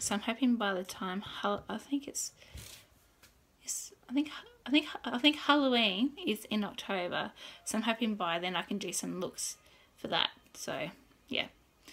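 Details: Adult woman who has stuttered since birth (noticed at age 2–3, worse from school start), father also stutters, had speech therapy for a year or two; worse when tired, excited or scripted, particularly bad on this day; self-recorded vlog; stuttering.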